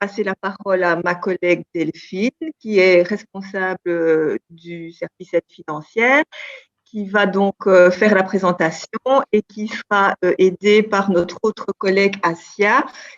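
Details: Adult woman speaking French; normal voice.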